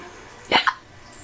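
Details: Child who keeps getting hiccups again: a single sharp, abrupt voiced hic with a quick catch of breath against quiet room noise; hiccups.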